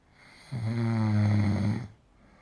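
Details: Snoring during sleep: a single loud, buzzing snore lasting about one and a half seconds.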